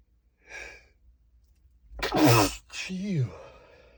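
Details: Male stifling strong sneezes: a short breathy intake, then a forceful muffled burst through a held-back mouth and a trailing voiced exhale; stifled sneeze.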